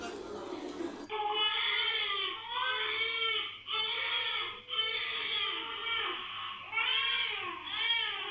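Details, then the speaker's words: A brief burst of noise, then a sustained, rhythmic infant cry with rising and falling wails, played back with background noise for real-time cry detection testing. "and if the and in the 1 second segment is identified to have crying sound it's labeled with a crying notation and if there is no crying sound detected then no annotation is displayed"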